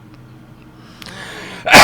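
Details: An adult podcast host's cough during recording, mentioned by co-hosts who joke about it.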